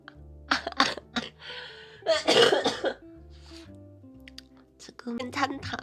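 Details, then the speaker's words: Person with a lingering throat cold, improving since Friday, coughing with each phrase while speaking: several short, harsh cough bursts and a longer coughing spell over background music; cough. "진짜 오랜만에 폰는데 한마디 할 때마다 기침이 너무 나서 금요일부터 주말보다는 많이 나아졌어요."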